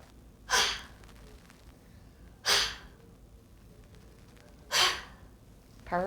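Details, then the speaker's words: Huff coughing by a cystic fibrosis patient between high-frequency chest wall oscillation vest cycles for airway clearance, Minnesota protocol: three forceful open-mouthed breathy huffs about two seconds apart, then a brief voiced sound. "okay so once the six minutes is up will give us a good demonstration of what a real half cough looks like"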